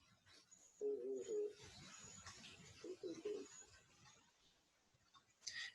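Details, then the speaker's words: Chest auscultation in a respiratory exam teaching demonstration: muffled voice sounds through the chest wall as the patient speaks. Clearly intelligible spoken or whispered words would indicate pectoriloquy. Vocal resonance. "quando esse som fica nítido através da voz falada nós chamamos hoje pectorilóquia única e quando é na voz cochichada chamamos pectorilóquia"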